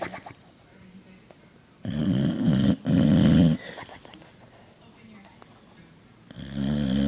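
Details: Sleeping Boxer dog snoring: loud, rough, rattling snores in bursts broken by quieter breathing.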